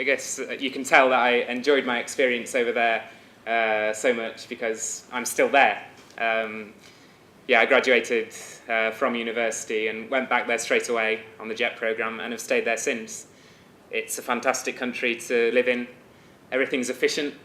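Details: Adult man speaking; Normal speech.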